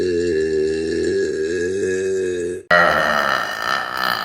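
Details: A long, low, voiced belch held over two seconds, then a second rougher burst; burping.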